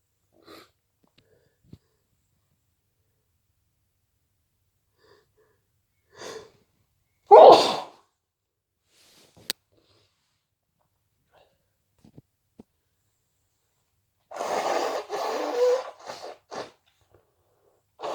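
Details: Deliberately induced hayfever sneezes: several separate sneezes with quiet gaps and a few sniffs, then a longer burst; repeated sneezing from hay fever.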